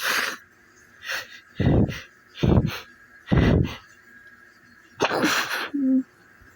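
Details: Sneezes on waking in the morning: a run of forceful, explosive sneezes with sharp breaths between them, repeated sneezing.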